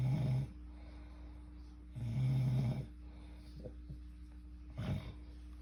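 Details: Adult recorded by their boyfriend while asleep: three low, rattling snores on breathing in, roughly every two seconds, over a steady low room hum; ordinary snoring.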